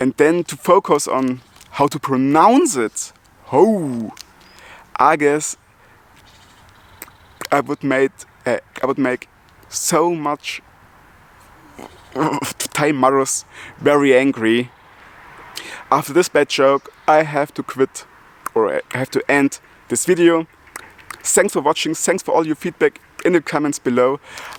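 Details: Adult German man with multiple sclerosis who stutters, speaking English as a non-native language; he says he stutters less in English than in German; stuttering.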